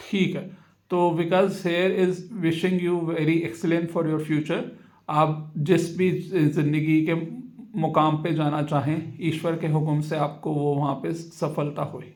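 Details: Adult man speaking; Normal fluent speech.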